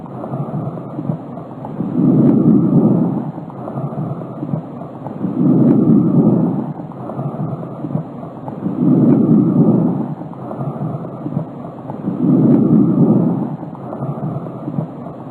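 Soft, even, rushing breath sounds rising and falling about 16 times a minute, without wheeze or crackles; normal breath sounds.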